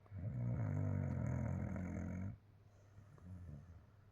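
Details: A puppy sleeping hard after play: one long, deep, rumbling snore followed by softer breathing; loud snoring.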